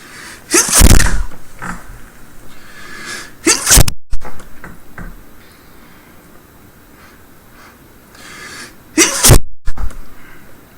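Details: Adult woman performing three loud, explosive, acted sneezes with breathy sounds between, staged as sneezing onto the viewer with a tickle in her nose, then apologizing; simulated sneezing.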